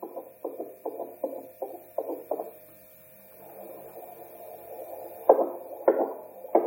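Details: Handheld fetal Doppler being repaired after a broken probe connector cable: rhythmic whooshing pulses fading into static, then returning as stronger beats.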